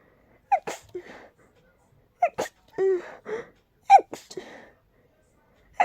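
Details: Allergy attack from very high sensitivity to pollen and dust, without allergy medication: three sneezes in quick succession, each a short gasp then forceful burst, little recovery between; allergic sneezing.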